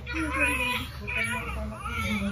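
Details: Thin, high, wavering cries from a newborn baby boy right after a normal vaginal delivery, with adult voices and room noise behind: a vigorous first cry.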